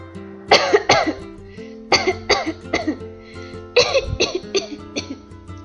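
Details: Six-year-old girl with cystic fibrosis, diagnosed as a baby, who coughs a lot; cough from a short awareness film for primary school children about cystic fibrosis.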